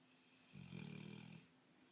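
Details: Sleeping Bullmastiff dog: a single low, rumbling, fluttering breath lasting under a second in a quiet room; snoring.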